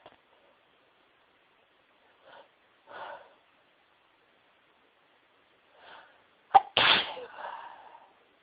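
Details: Sneezing from a person near the end of a cold: several quick catching in-breaths build up to one forceful sneeze with a trailing voiced release.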